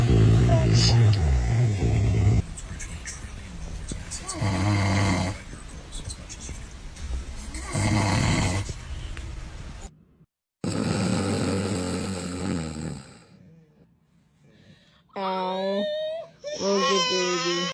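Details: Father snoring: loud, low rattling snores on each breath in, with pauses between, followed by his baby son's squeals and babbling in reaction; snoring.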